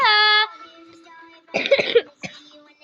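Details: Singer who says they have a cough breaks off a sung note with short harsh coughing bursts while singing pop songs; a cough interrupting singing.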